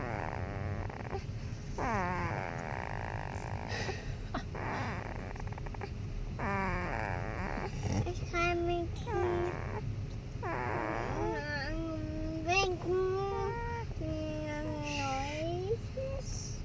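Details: 3-week-old baby boy making funny noises while asleep: soft grunts, squeaks and rising whiny sounds over a steady background hum; newborn sleep noises.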